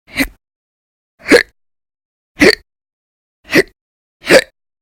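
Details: Persistent violent, very loud hiccups in episodes lasting about 10–13 hours a day through December 2019, audio only: five short, sharp gulping hiccups about a second apart, near 55 a minute.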